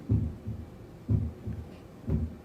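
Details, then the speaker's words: Normal heart sounds from the Harvey cardiology simulator manikin used in physician assistant training: crisp paired lub-dub at about 60 beats a minute with no murmur. Aortic, pulmonic and mitral listening sites are demonstrated. "so this is harvey he helps us learn how to differentiate heart murmurs so right now you're listening to essentially a normal heart it kind of sounds like that if you can hear it in the background"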